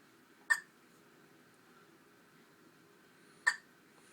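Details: A newborn only a couple of days old, filmed in hospital, gives two sharp, brief hiccups about three seconds apart over quiet room hum; the hiccups are described as loud.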